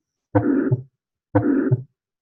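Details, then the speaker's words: Mitral regurgitation heard over the mitral valve: a systolic murmur, a low whoosh between S1 and S2, during systole, when the valve should be closed. "so if your valve is supposed to be closed during systole this would be considered mitral regurge"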